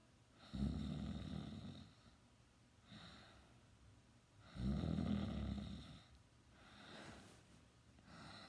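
Loud, rough, low-pitched snores on the in-breath, with quieter snores between them, at a steady sleeping breath rhythm. Ordinary snoring.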